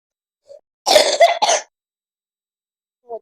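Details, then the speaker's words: Young girl, ill, says she is sick and coughing a lot: a short burst of two to three harsh coughs. "Знаете, я болею, кашляю, так сильно."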